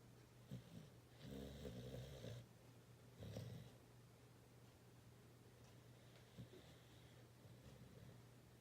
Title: Snoring And Twitching (3-31-19)